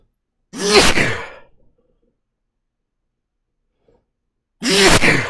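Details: Adult male sneezing fit brought on by fresh chhinkni snuff: two forceful, explosive sneezes about four seconds apart, each with a sharp voiced onset, in a quiet room; sneezing.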